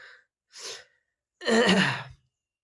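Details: Person sick since yesterday with fever, cold and headache: quick inward breaths followed by a single forceful, noisy burst out through nose and mouth, one sneeze.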